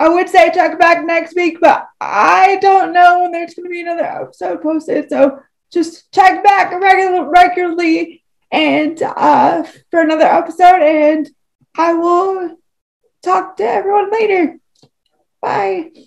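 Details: Adult woman with cerebral palsy who uses a wheelchair; dysarthria due to cerebral palsy.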